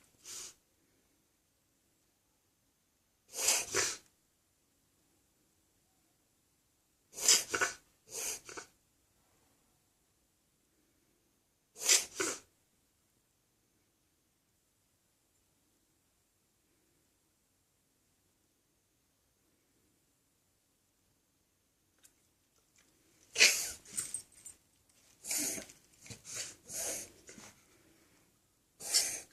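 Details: Dog with repeated short, sharp, hissing cough-like bursts in clusters; mystery illness, owner wonders if heartworm-related, vet visit pending.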